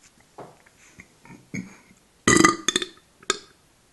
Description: Me downing Coke and burping.